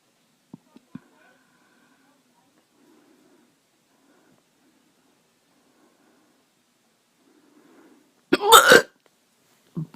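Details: Hiccups, cause unknown: small clicking sounds, then one sharp abrupt burst and a faint follow-up sound in a quiet room; a hiccup.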